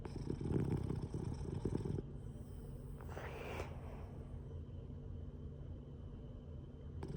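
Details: Sleeping Boston Terrier snoring: low, rough, rattling breathing, described as blowing snoring bubbles, fading into quieter steady breathing.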